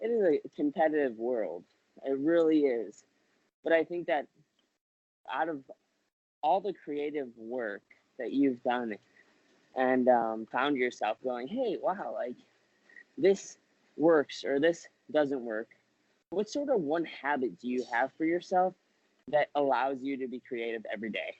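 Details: Adult man speaking, interview; ordinary speech.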